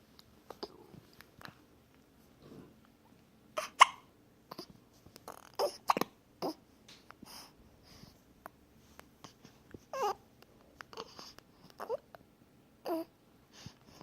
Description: The cutest hiccups.